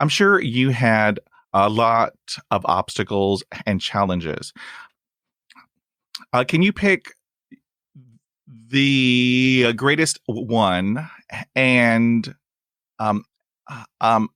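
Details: Adult male with persistent stuttering, including blocks and long pauses, who uses helper words; stuttering.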